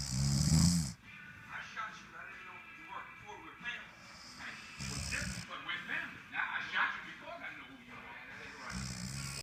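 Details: Man caught snoring very loudly: loud, harsh snores recurring every few seconds, separated by stretches of talk and background sound; loud snoring.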